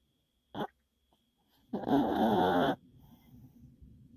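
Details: Brief snort, then a harsh, rattling snore lasting about a second, followed by soft breathing; snoring.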